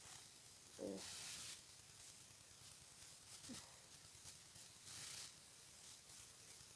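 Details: Adult with a cold, very stuffy and congested with a deep nasal tickle: two breathy, hissing sneezes, each with a brief voiced build-up.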